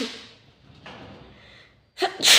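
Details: Sneeze during a FaceTime call: a quiet intake of breath followed by one sharp, forceful sneeze burst.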